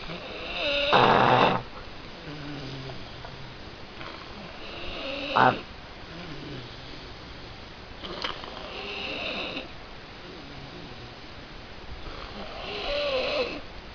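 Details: Person with flu snoring loudly: irregular snores, some croaking and frog-like, about four in fourteen seconds; no added sound effects.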